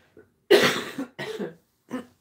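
A short bout of three coughs from an adult, a loud harsh first cough followed by two weaker ones, from a cold lasting over two weeks.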